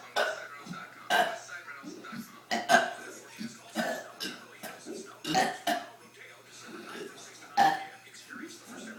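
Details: Deliberate burping contest between two people at breakfast: several loud, voiced belches taken in turn, with talking in between.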